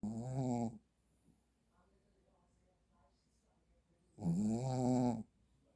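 Two drawn-out, buzzing snores about four seconds apart, with quiet breathing between; a dog snoring in sleep.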